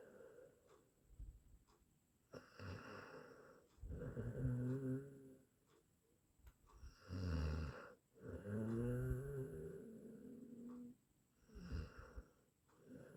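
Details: Rattling snores on each in-breath, about 13 a minute, with quiet pauses between breaths; from an 8-minute snoring sound-effect recording.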